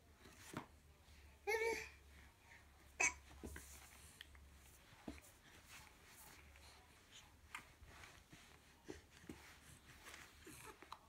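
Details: Infant with hiccups while moving about: soft, sudden catches in breathing among babbling and room noise; hiccups.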